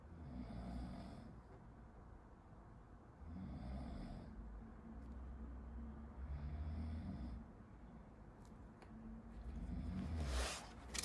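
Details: Low rumbling snores on each breath, about 20 breaths a minute, heard from across a quiet room behind a medical student studying; ordinary adult snoring.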